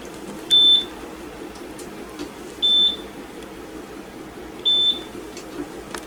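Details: Three short high-pitched ECG monitor beeps about two seconds apart over quiet room noise, on a nervous dog with leads just below the elbows and stifles; 38 beats counted in 15 seconds, high-normal canine heart rate.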